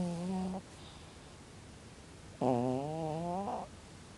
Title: very loudly Snoring Sleep CAT